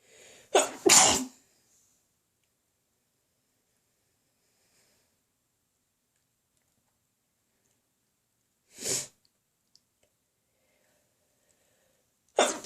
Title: Sneezing Again